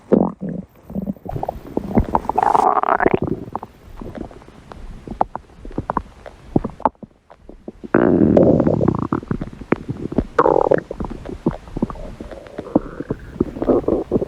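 Long gurgling, rumbling growls with crackly pops from an animal's belly; ordinary stomach growling.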